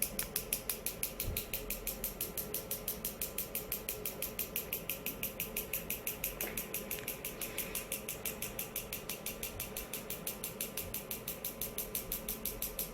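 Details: Focused extracorporeal shockwave therapy treating the biceps femoris (hamstring): steady sharp clicking pulses, about 70 a minute, over room noise, as the device fires during treatment.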